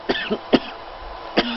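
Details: Three or four short, dry, acted coughs from an adult, separated by brief pauses in a quiet room.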